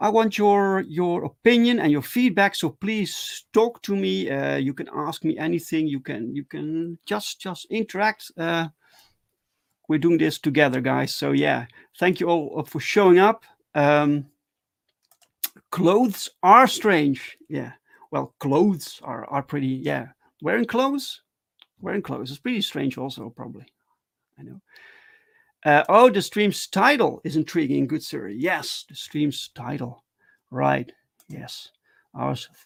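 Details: Adult male with stuttering, speaking live in a solo stream; stuttering.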